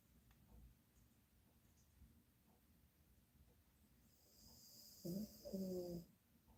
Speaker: can you hear her can you hear her can you hear her snoring